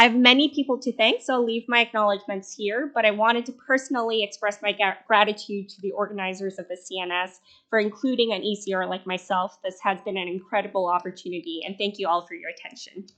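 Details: Adult woman speaking; normal speech.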